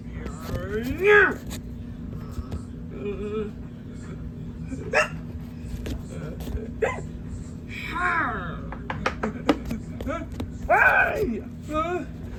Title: Hiccups Part 3